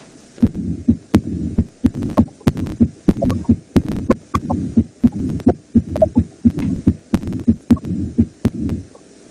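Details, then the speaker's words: Mitral regurgitation heart sound in a nursing physical-exam teaching demonstration: a regular heartbeat near 86 a minute with a steady blowing murmur filling the gaps, blood leaking back through the mitral valve. "video yang namanya regurgitasi atau kalau anda di basah-basah kepedihannya sering bilang itu muntah gitu ya jadi disini jantung itu mengalami kesulitan untuk memompakan darah melalui katup nya"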